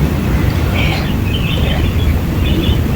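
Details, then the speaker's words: Compressor nebulizer running with infusion saline to thin phlegm in a child with cough and cold: a steady low motor drone with a faint hiss. "Transfin dan aku alhamdulillahnya punya ini ya buat uap uap biar si ininya e dahaknya itu mencair."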